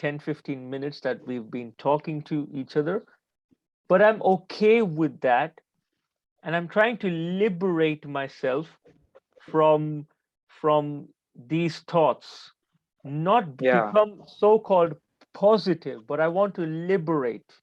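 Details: Adult man who stutters, still stammering and having blocks during this conversation; stuttering.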